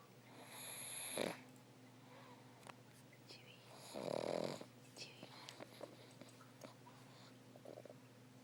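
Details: Dog snoring while asleep in owner's lap: two snorting inhaled snores about three seconds apart with small snuffles between, quiet room hum behind.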